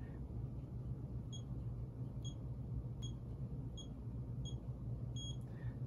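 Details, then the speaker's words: iCare IC100 rebound tonometer measuring a volunteer's eye pressure with the probe 4–8 mm from the eye: six short soft beeps, one per rapid reading, before a long beep and an averaged reading. "it takes six readings you'll hear a long single beep and it will give you the average reading on the screen which you can record"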